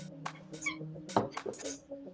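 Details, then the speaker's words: Adult woman imitating her own sneezes, which she says come about ten in a row: a quick run of soft, airy, squeaky mouse-like bursts at varying volumes; imitated sneezes. "It's like super mousy, soft, airy. I don't even know. But it has different volumes."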